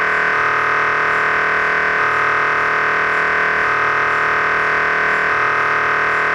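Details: MRI scanner noise: loud, steady electronic buzzing drone repeating in regular pulses as a sequence runs.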